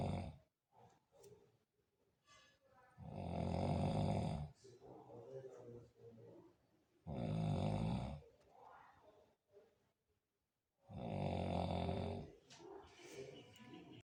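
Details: Three loud rattling snores on the in-breath, about every four seconds, with quieter breathing noises between; ordinary snoring in sleep.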